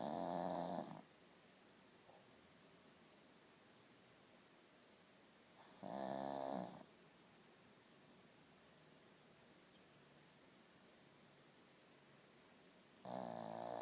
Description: Butters The Pug Snoring